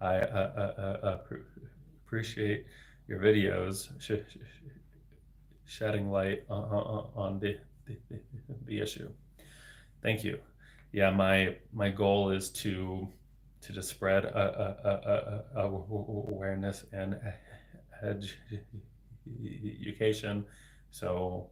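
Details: Adult man, a speech-language pathologist, with developmental stuttering including word repetitions, speaking live in a solo livestream; stuttering.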